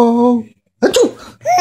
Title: baby laughs at sneeze funny